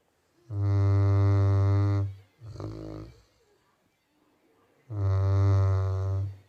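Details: Loud, deep, droning snores with a steady buzzing tone, separated by a softer breath and a pause, from a sleeping Labrador dog; snoring.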